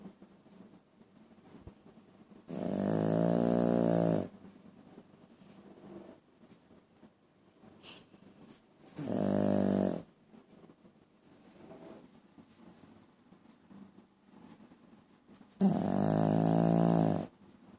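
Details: A sleeping dog gives three loud, buzzing snores over eighteen seconds, each lasting one to two seconds, with quiet breathing between them; dog snoring.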